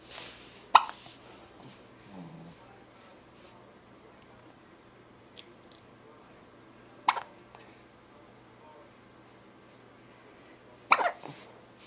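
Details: Three sharp, abrupt hiccups spaced several seconds apart in a quiet room, recorded with a Flip Video camera; hiccups.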